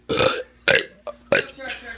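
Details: Teenager deliberately burping while trying to talk: three loud voiced burps in quick succession, each a short rough belch, with faint talk and room noise: burping.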